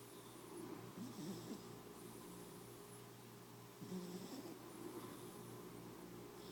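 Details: Sleeping cat snoring and dreaming: soft rattling snores on two breaths in about six seconds over a steady low room hum; snoring.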